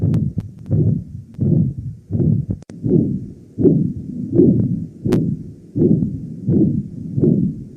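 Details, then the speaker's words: Aortic stenosis (narrowed aorta) murmur played in nursing auscultation teaching: regular beats near 83 a minute, each followed by a rough whooshing murmur, with music behind. "di Indonesia ini penyempitan ini biasanya karena pembuluh darahnya menebal akibat jembatan karena lemak deh"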